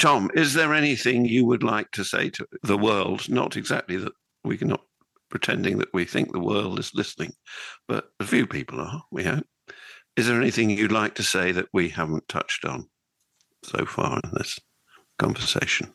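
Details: Adult male speaker; typical speech.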